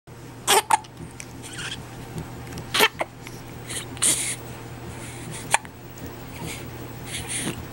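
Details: Hiccups: repeated short, abrupt catches of breath at irregular intervals over a noisy room background.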